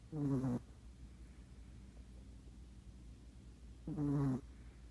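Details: Two buzzing, voiced snores about four seconds apart, roughly 15 breaths a minute, from a sleeping cat named Raisin, with quiet room noise between.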